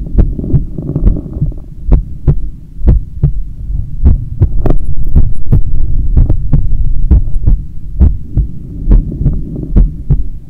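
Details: Own heartbeat recorded on waking in the morning: steady low thumping at about 70 beats a minute with a constant background hum; normal heartbeat.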